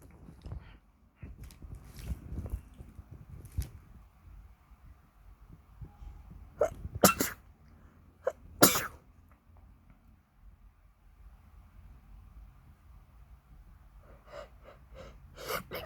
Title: just normal sneezing (supporting link in the description)